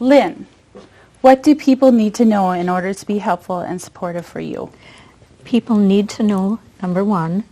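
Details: Adult woman speaking; typical speech.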